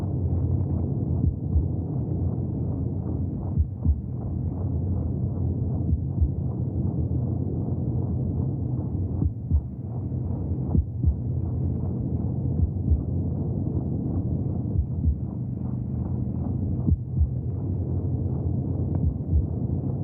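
Steady low whooshing rumble with soft, muffled thumps of a heartbeat, as heard from inside the womb.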